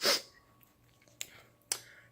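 A sharp, hissing sneeze burst, then two brief clicks or sniffs. A single sneeze.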